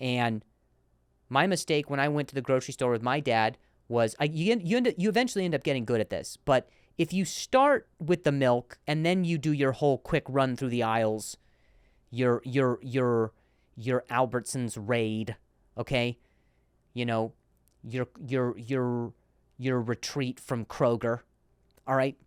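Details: Adult male comedian and podcast host who stutters, in real speech with repeated words: stuttering.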